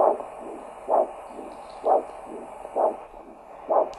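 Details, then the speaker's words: Handheld Doppler over a lower-leg (tibial) artery during ankle-brachial index measurement with blood pressure cuff, resting patient, arm systolic 100 mmHg, pedal pressure about 110 mmHg; regular whooshing pulse about 65/min, strong beat then softer second sound; normal biphasic arterial Doppler signal. "This is the arterial signal. You can hear that."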